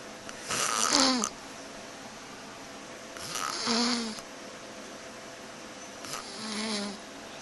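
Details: A person whose partner says they snore: three loud, rattling inhaled snores ending in a whistling tone, about 21 breaths a minute with quiet pauses; snoring.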